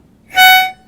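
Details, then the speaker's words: Brief high-pitched whistle from an inhaler spacer during an asthma education demo, signalling the breath in after the spray is too fast so medicine hits the back of the mouth; a slow deep breath should be silent. "it's going to whistle. And that's to remind me I'm breathing too fast, meaning that that medicine can be hitting into the back of my mouth."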